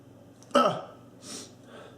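A single abrupt voiced burst followed by a hissing exhale, a sneeze, in a quiet room.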